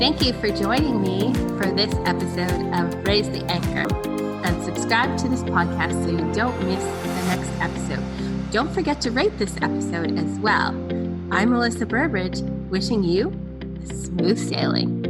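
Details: Adult woman, podcast host; normal speech.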